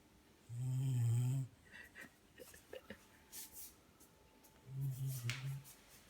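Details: Dog fast asleep at bedtime; two deep, rumbling snores separated by rustling and small movement sounds: snoring.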